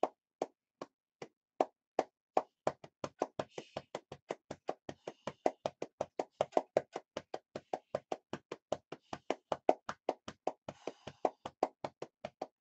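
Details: Rapid rhythmic hollow claps, about 160 a minute, of chest percussion over the lower lobes to loosen mucus in cystic fibrosis, in a patient coughing up blood over the last two to three days.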